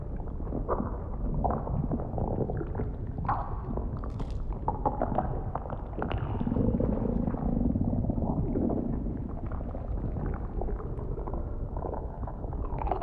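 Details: Simulated A4A vore ASMR roleplay from the prey's point of view inside the belly: continuous low stomach gurgling and rumbling with deep bubbling surges as a lazy pred digests and keeps snacking; stomach rumbling.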